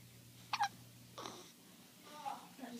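Three abrupt, brief catching sounds in under three seconds over faint background talk: hiccups.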